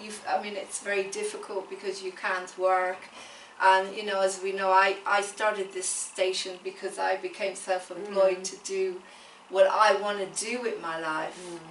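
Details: Adult woman speaking; typical speech.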